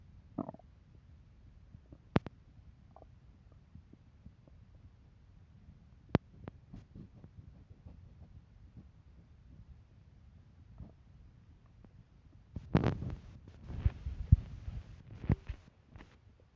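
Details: Hunger stomach rumbling: quiet low gurgles with scattered clicks from the belly, then a louder burst near the end, a sneeze.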